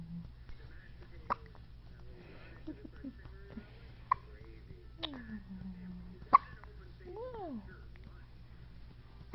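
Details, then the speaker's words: Baby girl under about 1 month old with hiccups: short, abrupt clicks of caught breath at irregular gaps, about four in nine seconds, with soft vocal sounds and quiet room noise. "this little girl has hiccups like crazy look at those hiccups look at those hiccups oh my goodness how do you get hiccups that crazy"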